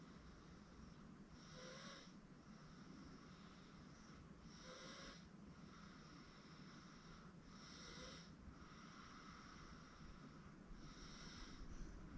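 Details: 8-month-old girl asleep on a futon; quiet rhythmic snoring sounds roughly every three seconds against constant background hiss. Mild infant snoring during sleep.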